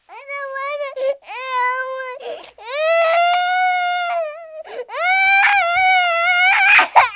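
Repeated wailing cry bursts with short catches of breath between them, a baby's cry taken from a cartoon sound effect.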